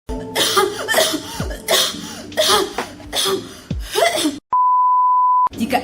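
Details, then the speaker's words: Adult gives a rapid series of about six harsh, voiced coughs, acted as an example in a rehabilitation medicine doctor's cough-control exercise lesson, followed by a one-second beep tone. "anda memiliki keluhan batuk seperti tadi lakukan empat hal yang pertama tetap berusaha untuk menahan keinginan batuk"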